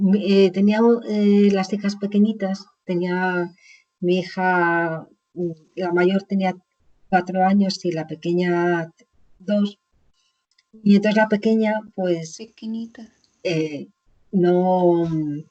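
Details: Aphasia in an adult woman after a stroke about 20 years ago; initially unable to speak at all, gradually recovered with speech therapy; Spanish speaker, real patient in chronic stage.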